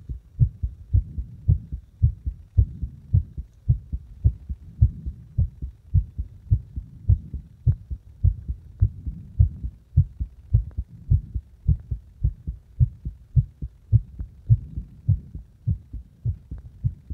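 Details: Heartbeat deliberately made to speed up and slow down; steady low thumping averaging roughly 100 beats a minute, pace rising and falling over the recording.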